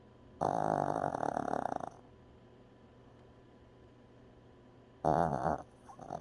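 Two rough, rattling snores about five seconds apart over quiet room noise, typical of ordinary snoring.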